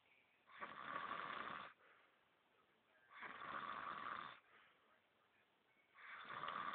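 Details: A man snoring: loud, rough snores on each breath in, about one every three seconds, with quiet breathing out between them.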